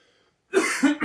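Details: Adult cough acted in a comedy skit, attributed to mucus or a "frog" in the throat: a single harsh, throaty cough burst.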